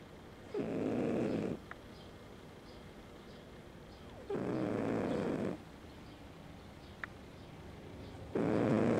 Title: My cat snores.